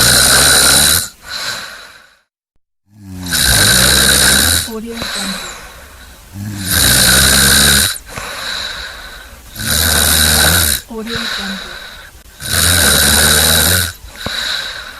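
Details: Stock sound-effect recording of snoring: loud rattling snores in regular bursts, about 18 a minute, separated by quiet pauses; snoring.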